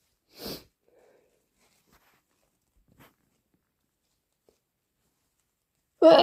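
A short sneeze burst, then near silence with faint sniffs, ending in a sudden loud blast; sneezing linked to hay fever.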